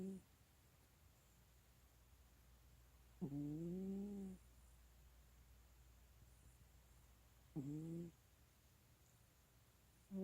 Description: so sometimes my kitty snores and it's cute as heck